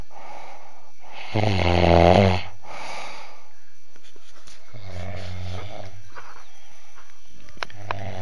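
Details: Man sleeping: loud, low, rattling snores on the in-breath about every three seconds, with steady background hum; snoring.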